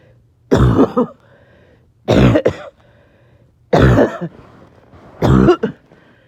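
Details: Person a little short of breath, several coughing fits clipped back to back: four harsh cough bursts, each with a quick follow-on hack, about every one and a half seconds; repeated coughing fit.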